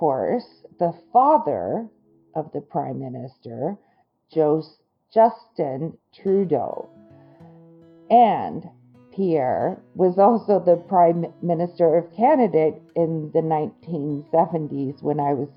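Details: Adult woman with Broca's (non-fluent) aphasia after a stroke that injured the Broca region of her brain, with word-finding difficulty and sound substitutions; her comprehension is intact.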